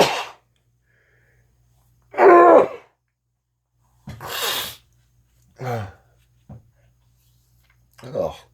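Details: A prolonged sneezing fit that keeps going: a run of about five or six sneezes with pauses between them in a quiet room.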